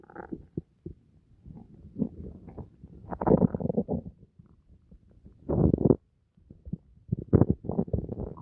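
Irregular gurgles and low rumbling bursts of an active stomach, typical of ordinary digestion after a meal.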